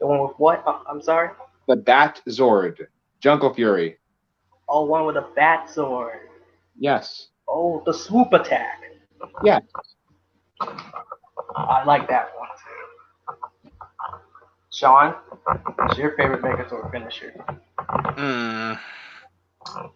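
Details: Adult male speakers in casual conversation; normal speech.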